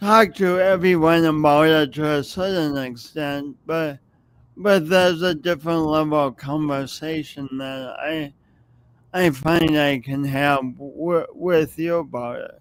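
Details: Adult with a long-standing speech impediment, audible whenever they speak and present for many years; speech impediment with stuttering-like disfluency.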